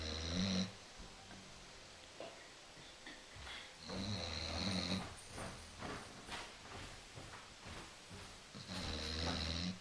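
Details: Female Basset hound asleep on a couch: low rumbling snores with a whistling edge, about 14 per minute, slightly irregular, in a quiet room; snoring during sleep.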